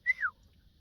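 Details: Adult woman with Tourette's-like tics she links to a trauma response, present for about 2 days; most common tic is a vocal "hey", often after mistakes, worse when not fully concentrating, partly suppressible; vocal tic.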